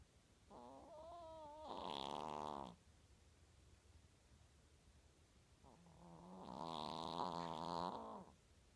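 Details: Chico, a chihuahua, snoring very loudly: two long, loud snores with a whistling, tonal buzz, separated by a quiet pause.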